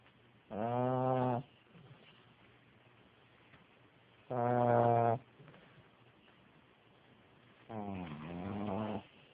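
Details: Sleeping pug, a flat-faced dog, with three loud, buzzing snores on the in-breath, about 16 a minute, and quiet pauses between them: snoring.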